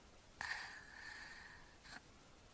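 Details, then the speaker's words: Sleeping child with repeated obstructive apnoea episodes, many within about three minutes: a sudden snorting, whistling gasp for breath, then a brief second gasp after a pause. "so this has been three minutes and 15 seconds and you can see how many episodes he's had of not getting calm breath in"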